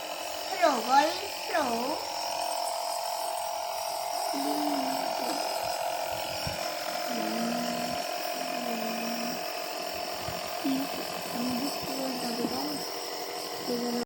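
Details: Steady motor drone of a running nebulizer compressor, used for cough and cold, with brief vocal sounds nearby.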